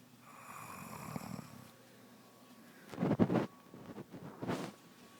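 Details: Loud rough inspiratory snoring bursts with quieter snorts between, from a sleeping pregnant woman whose snoring began soon after becoming pregnant.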